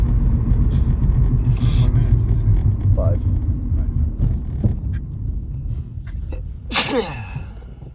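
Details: Man sneezing in his sleep while drunk, in a moving car: a single sharp sneeze near the end over steady engine rumble and voices.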